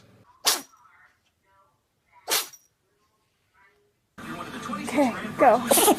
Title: New Funny Animal Videos Sneezing Animals Compilation